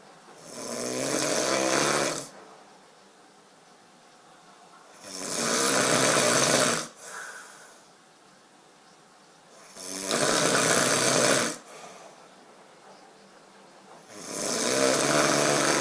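Loud, harsh, drawn-out snores about every four to five seconds (around 13 a minute), with quieter breathing between; heavy snoring.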